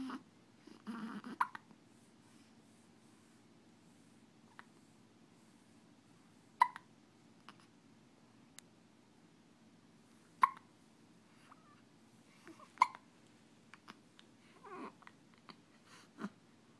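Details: Baby with hiccups: short, sharp little catches at irregular intervals, roughly 16 a minute, in a quiet room.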